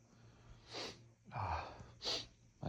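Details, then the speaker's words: Person with fall allergies and a tickly nose who keeps feeling the need to sneeze, making several forceful nasal snorts and sniffs in quick succession. "Fall allergies have ah definitely have definitely started here my nose has been excuse me so oh so tickly lately oh my God I just always keep oh my God excuse me just keep feeling like I have to sneeze"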